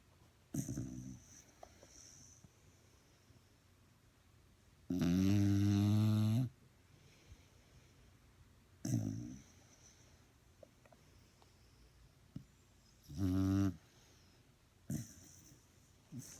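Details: Fat dachshund, a sleeping dog, snoring: low rumbling snores repeat every few seconds, some long and drawn out, with quiet breathing between.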